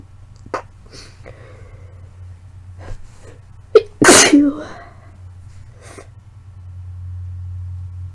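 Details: Sneeze from a person sick with suspected flu or cold, with sore throat, earlier fever, lightheadedness and blood-streaked mucus: a loud, forceful sneeze with a sharp inhaled lead-in against quiet room hum.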